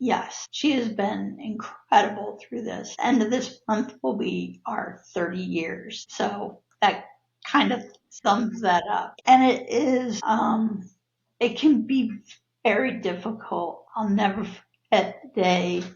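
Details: Adult woman with neurological spasmodic dysphonia, abductor and adductor types, diagnosed after a sudden voice change in 2017; worsens with stress; also has cervical dystonia; breathy air escape and cut-off vowels; spasmodic dysphonia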